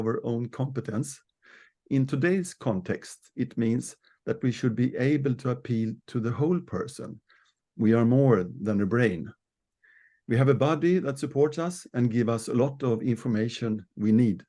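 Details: Adult speaker; Normal speech.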